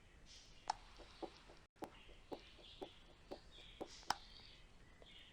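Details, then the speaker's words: Pediatric cardiology auscultation teaching example: quick, regular two-part heartbeat near 120 a minute, double the preceding 60-per-minute example; normal first and second heart sounds at a faster rate, systole and diastole harder to distinguish. "طب تخيلوا معايا ال60 دي هضاعفها واخليها 120. نسمع المثال الجاي."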